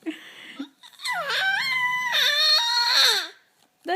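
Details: Young child's whining fussy cry with rising and falling pitch in a small room, reacting to Daddy's snoring while he sleeps; ordinary infant cry.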